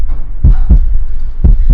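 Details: Two clean heartbeats, each a paired lub-dub, at about 60 a minute; normal heart sounds.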